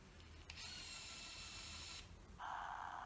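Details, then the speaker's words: Syringe driver just switched on during hospice home-care setup training: faint whirring motor tones shifting in pitch over low room noise as the mechanism moves before showing "load syringe". "then we can switch the syringe driver on using this button here it will make some sounds as this moves"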